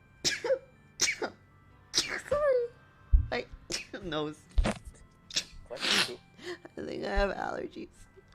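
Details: Several short, sharp sneezes in quick succession with breathy intakes between some, which the person attributes to allergies; faint background music.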